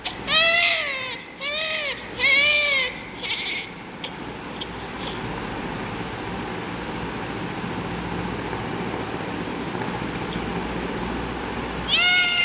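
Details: Newborn baby under treatment, with injection Fortum (ceftazidime) 250 mg prescribed: several short, high-pitched newborn cries separated by pauses, against steady room noise; ordinary newborn crying.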